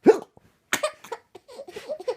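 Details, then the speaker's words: A single abrupt, voiced hiccup, then brief breaths and soft vocalizing; laughter follows, and the recorder asks whether laughing too much caused the hiccups. "you got the hiccups do you have the hiccups can you do a little hiccup for me a little one"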